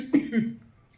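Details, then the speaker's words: Cough from an adult woman who says she has been coughing like this since yesterday: two quick, throaty cough bursts with a voiced, slightly wet quality. "Pardon. Vous entendez? Et je tousse comme ça depuis hier."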